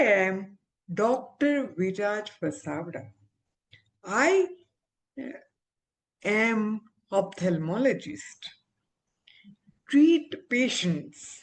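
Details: Adult woman with aphasia after stroke, recovering with speech-language therapy, communication still impaired; aphasia after stroke.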